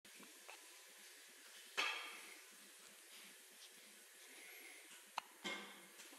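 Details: An infant's first hiccups: a few brief, sharp catches over steady hiss; hiccups.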